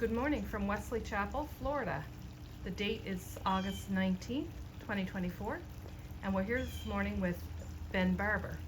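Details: Adult woman speaking; normal speech.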